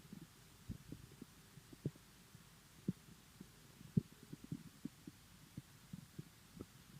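Irregular low gurgles, pops and soft rumbles from an empty stomach: normal bowel sounds (borborygmi).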